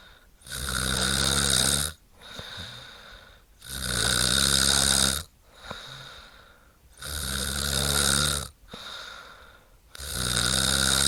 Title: Snoring of a woman - sound effects | sfx | No copyright ( download Link )